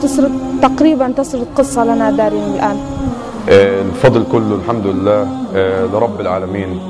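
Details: Adult speaker, with background music; typical adult speech.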